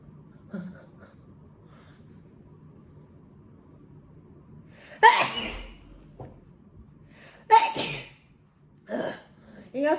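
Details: Taiwanese young woman with self-described allergy-prone nose, sneezes induced by a nasal swab test: two loud, sharp sneezes, each preceded by a quick inhalation, over low room noise and some talk; sneezing.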